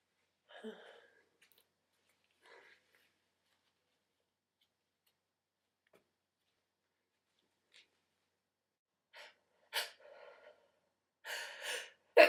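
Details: Scattered short, hissing bursts separated by quiet, with a tight cluster near the end: sneezes from one person, spliced together; repeated sneezing.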